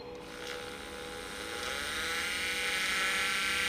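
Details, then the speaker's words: Demo drilling with an Osstem 122 taper kit 4.5 × 10 mm taper drill, in soft bone down to the stopper, for a 5.0 implant: steady high-pitched whine rising slightly as it cuts; dental implant drill. "i go down up to the stopper take a look at this okay for soft bone my drilling sequence is now already finished i used only one taper drill"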